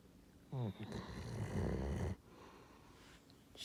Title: Do you Hear Someone Snoring?